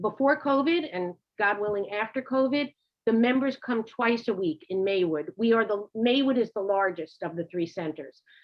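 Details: Adult woman speaking; ordinary speech.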